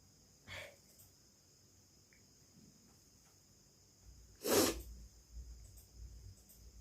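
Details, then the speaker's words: Woman in a sneezing challenge, trying to induce sneezes: a quiet intake sound, then one loud, sharp, explosive sneeze in a quiet room with steady background hiss; sneeze. "তো দেখি আমি কটা হাঁচি দেবো। আশা করছি এটাতে আমার হাঁচি হবে না, তবু ট্রাই করছি, দেখা যাক আমি একটাও দিতে পারি কিনা।"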